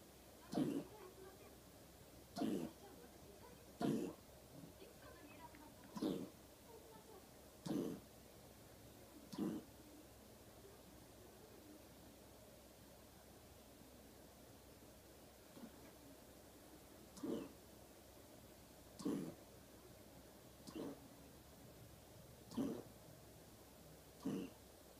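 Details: Cardiac cough in a dog with mitral valve regurgitation: two runs of short, harsh coughs, about eleven in all.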